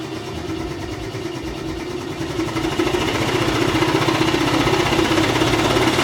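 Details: Person with cystic fibrosis doing airway clearance with a Hill-Rom Monarch high-frequency chest wall oscillation vest at high intensity: loud, steady mechanical drone with rapid pulsing that grows louder, shaking the chest to loosen mucus.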